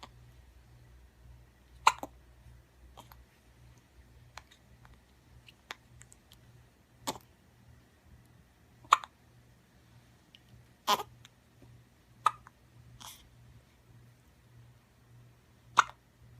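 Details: Bout of hiccups, with a sneeze noted in the recording: soft, sharp catching sounds every one to two seconds in a quiet room.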